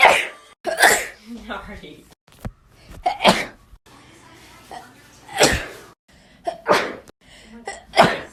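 A string of sharp, explosive bursts of air, several sneezes in a row, with short gaps between them.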